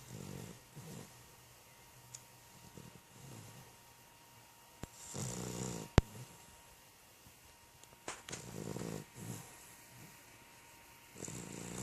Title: the cutest snoring puppy